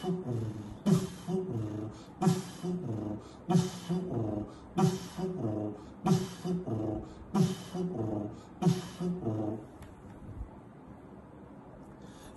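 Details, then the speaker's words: Auscultation teaching: in double mitral valve disease, the mitral stenosis murmur, a rumbling diastolic murmur, can be heard despite mitral regurgitation. "احيانا المرمر بتاع اليتر ستينوس يتسمع في الدبل مايت اللي هو الرامبل ستك ميرم اهو يتسمع هنا"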